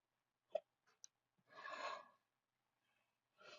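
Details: Sneezing fit at a desk: quick catching breaths, then a forceful hissing sneeze blast, with another starting at the end, in a quiet room.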